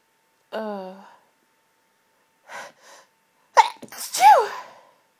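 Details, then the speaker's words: Intense half-stifled sneezing fit, going on 20 minutes, nose tickly and congested: voiced gasp, soft held-back bursts, then a forceful half-stifled sneeze with sharp in-breath. "this fit has been going on for the last 20 minutes but I've only just been able to start recording it"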